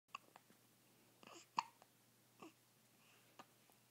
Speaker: do you have the hiccups? That's silly. Silly girl. Silly hiccup girl.